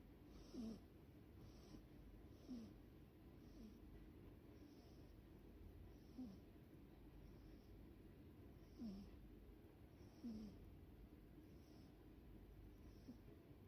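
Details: Sleeping cat snoring in deep sleep: soft, regular snoring breaths about 25 a minute, each with a faint rasp, over steady low background noise.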